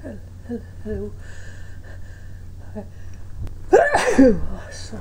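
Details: Person trying to stifle and hold back sneezes but failing: soft catching breaths, then a burst of a held-back sneeze over a steady low room hum.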